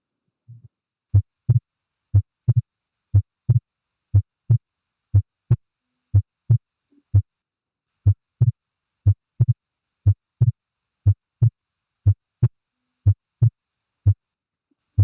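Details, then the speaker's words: Heart auscultation example in a physiology class: regular heartbeat at about 60 a minute, the second heart sound at times heard as two close parts; physiological splitting of S2, a normal finding. "bien el segundo ruido cardíaco habitualmente tiene lo que se da un desdoblamiento fisiológico ahora sí lo pueden reconocer"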